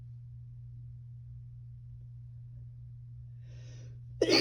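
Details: 26-year-old woman sneezing in bed while high after smoking; quiet room with steady hum, brief intake of breath, then one sharp sneeze at the end: sneeze.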